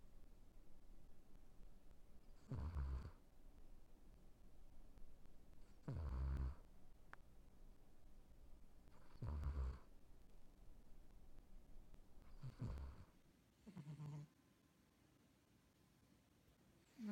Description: Even a cutie pie like Liger can have a rythmic snore when passed out.